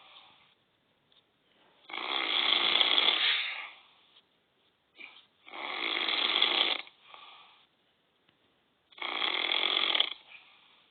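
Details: An adult man (a dad) snoring: three loud, rough, rattling breaths about every three to four seconds, each followed by a softer exhale, in a quiet room.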